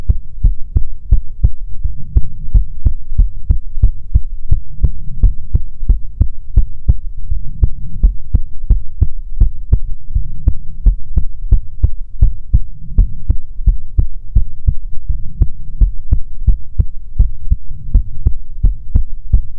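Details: Heartbeat recorded for ASMR relaxation: loud, steady, regular paired thumps over a low hum; ordinary normal heartbeat.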